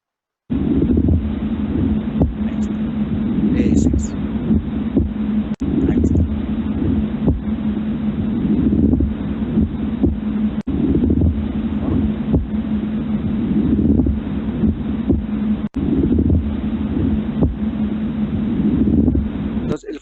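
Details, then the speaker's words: Lung auscultation teaching recording: coarse, grating rubbing noise that swells with each breath, synchronous with inspiration, about 12 breaths a minute, from sliding pleural surfaces; a pleural friction rub. "este es el frote plural a ver vamos a escuchar"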